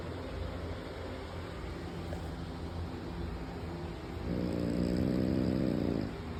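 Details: Snoring: low rumbling breath noise under a steady background hum, swelling into a louder vibrating snore on one breath.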